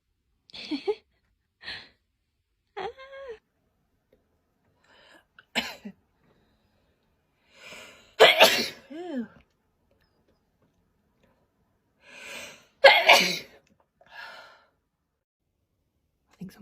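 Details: Several sneezes with high-pitched intakes and trailing vocal sounds, two louder among smaller bursts; repeated sneezing in a woman who suspects a cold caught on holiday, with a runny nose.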